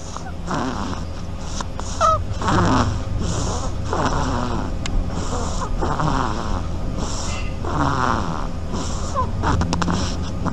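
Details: Sleeping animal of unstated species snoring loudly: quick, regular rumbling snores in a steady rhythm over a low background hum.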